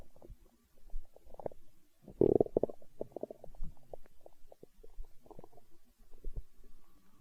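Low gurgling rumbles and bubbling, loudest in one long growl, from an empty, hungry stomach: ordinary bowel sounds.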